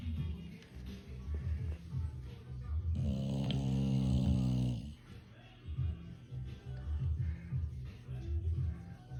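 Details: Sleeping English bulldog (tagged fat boy), filmed for entertainment: one long, rumbling snore with snuffly breathing around it, over background music; dog snoring.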